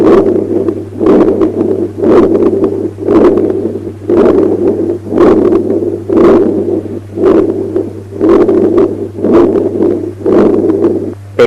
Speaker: Patent ductus arteriosus in pulmonary area, a continuous machine-like murmur starting at the first heart sound, reaching maximum intensity at the end of systole and tapering in diastole.